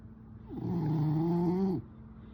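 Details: Sleeping French Bulldog snoring: a single long, low, droning rattle lasting just over a second.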